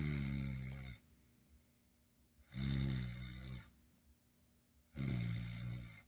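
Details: Snoring from a sleeping Schnoodle puppy: three loud, rumbling snores about two seconds apart, separated by quiet pauses; ordinary snoring.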